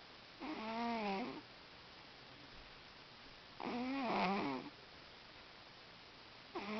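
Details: Sleeping cat: soft, whistling, nasal snores roughly every three seconds in a quiet room: ordinary snoring.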